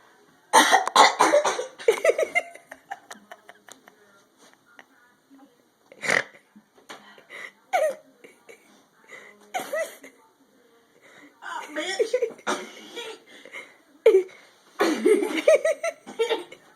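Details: Burping: series of short, throaty voiced belches and cough-like bursts mixed with laughter and brief vocal sounds.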